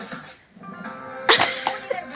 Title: Baby fake sneeze